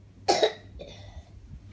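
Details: Young child with a cough, thought linked to eating ice cream and cold drinks: a single short cough burst followed by a faint trailing sound.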